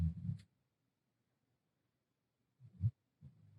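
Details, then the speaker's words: A 70-pound hound-mix dog asleep under a desk: low, rumbling snores a couple of seconds apart in a quiet room, barely audible. "If you hear snoring, you may not be able to hear it, but my Jessie girl is up here with me, and because she's a mama's girl, and she has to be with me, and I love it. but she is now under my desk snoring."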